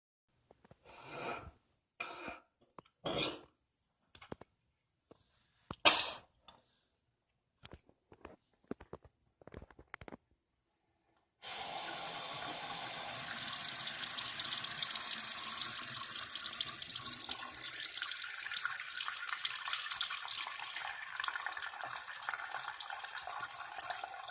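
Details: Adult coughing and hawking several times to bring up brown, bad-tasting mucus into a sink, then a tap runs steadily. Productive cough.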